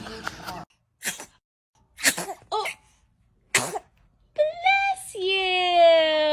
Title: This Baby’s Sneezes Will Make You Laugh Nonstop! 🤧😂 | Cutest Baby Reactions#shorts